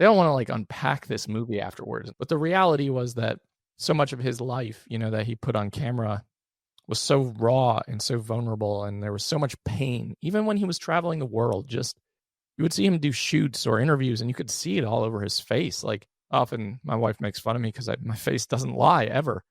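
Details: Adult male with one vocal cord paralysed by open throat surgery for a rare chronic recurring throat condition, after endoscopic surgery in 2021 and recurrence within 4 months; voice improved but still vocal fry, tires daily; finding: unilateral vocal cord paralysis.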